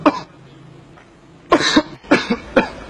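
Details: An adult gives a run of short, dry coughs, some in quick pairs; the cough is jokingly called sentimental.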